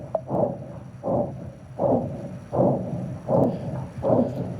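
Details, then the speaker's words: Upper-arm brachiocephalic dialysis fistula that has not matured, with pulsatility only at the anastomosis, a thrill along the scar and little augmentation on occlusion: a discontinuous bruit, strong in systole and nearly pausing in diastole, concerning for critical stenosis. "So you can hear that there's a discontinuous component. There's a very strong component systolically and then a almost a pause diastolically"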